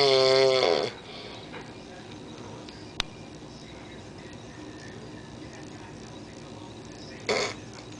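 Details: Big man snoring in sleep: a loud, buzzing, tonal snore, a long quiet gap with room noise, then a shorter snore; rattling snoring.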